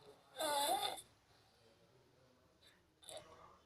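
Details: A rough, fluttering noisy breath, then a quieter second one in a small room; snoring during sleep.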